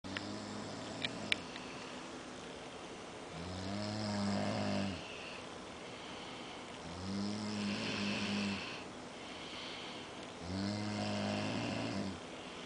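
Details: Two sleepers snoring in unison: loud rattling snores on each in-breath, about four in twelve seconds, with steady room noise between.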